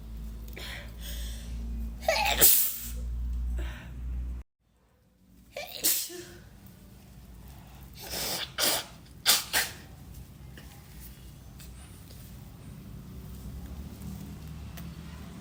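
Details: Repeated induced sneezing: one sneeze, a pause, then about three more quick sneezes with breaths between, as the person apologises for the tickle.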